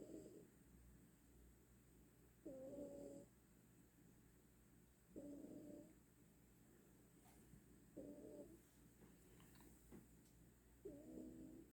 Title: Her snores lol she is in deep sleep